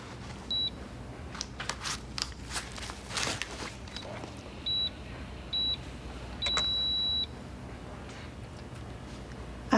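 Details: High electronic beeps from an automated blood pressure monitor measuring a pregnant woman, before 24 weeks, in a TV drama scene; the reading is 150/100, higher than desired, and she reports headaches and blurred vision. Quiet room, soft rustling.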